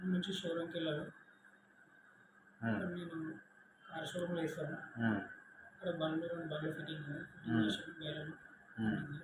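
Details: Adult man before voice therapy, with a problem lasting 6 years; clinician diagnoses puberphonia with a high-pitched, soft, hoarse voice that alternates between female- and male-sounding; finding: puberphonia.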